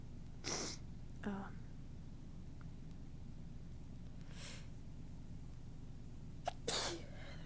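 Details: Adult recording while talking: several soft, breathy, tickly sneezes with brief inhalations between them, over steady low room hum.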